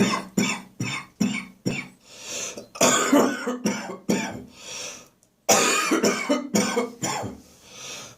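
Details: Persistent morning cough with coughing and gagging, recorded in a bathroom, a car engine passing outside the window midway.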